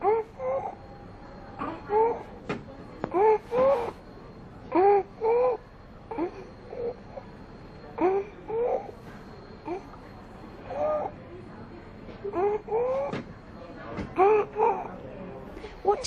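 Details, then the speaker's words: Child in a stridor-identification training exercise: harsh noise when breathing in, judged to be stridor. "you decide we heard a harsh noise when petit was breathing in therefore we decided the petit does have stride or listen again"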